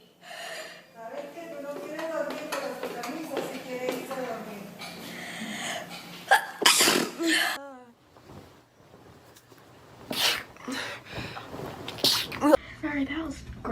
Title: Sneeze compilation